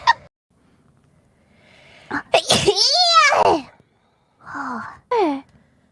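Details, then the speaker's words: Mococo sneezing during a live gaming stream with music: a quick sneeze, then a second loud sneeze running into high, squeaky voiced sounds, followed by short exclamations; ordinary sneezes. "how many times you going tell me not to sneeze today"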